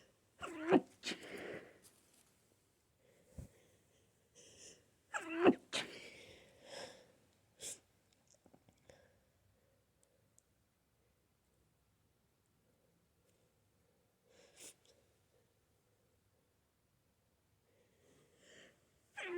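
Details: Two forceful sneezes near the start, each with a sharp intake and explosive burst, then quiet sniffles and soft breaths; an allergic sneezing fit from a flower allergy.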